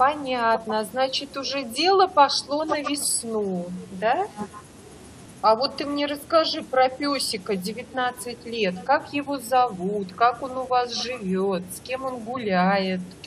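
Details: Adult woman speaking Russian; normal speech.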